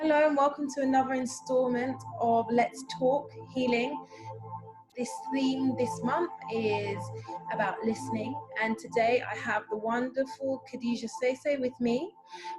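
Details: Adult woman; typical speech.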